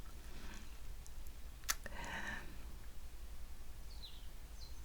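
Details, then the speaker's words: Female cat, said to be ill, gives a single sharp brief sneeze over low room hum. "Je ris parce que mon chat a éternué. Voilà. Elle est malade aussi."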